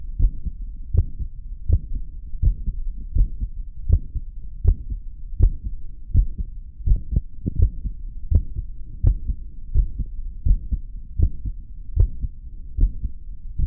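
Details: Heartbeat after caffeine: low, thudding beats about 80 a minute with steady rhythm; an ordinary heartbeat.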